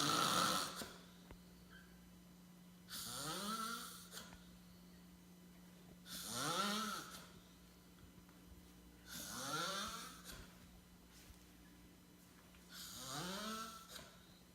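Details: Four loud, harsh snores roughly every three to four seconds, each with a rising rattle, over a steady room hum, from a sleeper in the living room; adult snoring.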